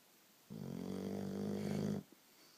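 One long, steady, vibrating snore lasting about a second and a half in a quiet room; ordinary snoring.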